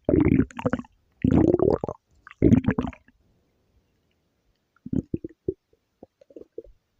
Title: Kyubey’s stomach growl